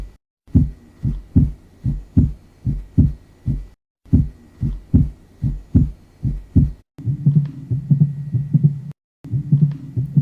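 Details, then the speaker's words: Stethoscope auscultation of regular heartbeats at about 74 beats per minute, with an extra sharp early diastolic sound: opening snap. "This is the sound of Opening Snap"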